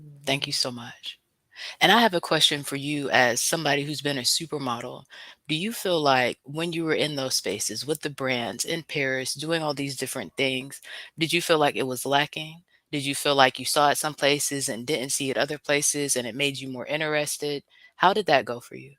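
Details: Adult speaker (host); Normal fluent speech.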